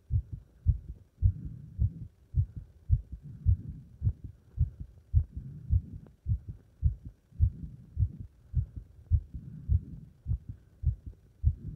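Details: Heart sounds after leapfrog jumping exercise: fast, regular heartbeat with clear paired lub-dub sounds at about 105 to 110 beats a minute; normal heart sounds after exertion.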